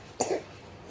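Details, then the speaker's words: A baby on the second day of a cough, without fever, still eating and sleeping propped on a high pillow, wakes from sleep and gives a single short, slightly wet cough with phlegm. "Ini posisi dia tidur ya teman-teman ya. Cuma kebangun karena batuk ya."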